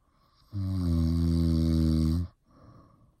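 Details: One loud, deep, steady buzzing snore of nearly two seconds on the in-breath, followed by a softer breath out.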